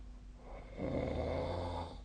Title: 🐽 本日のイビキ / Snoring Sleep Sound 2025/01/22